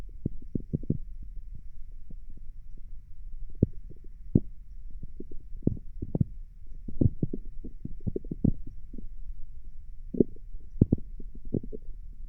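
Frequent soft irregular pops and clicks over a low hum: active bowel sounds from the abdomen of someone lying down.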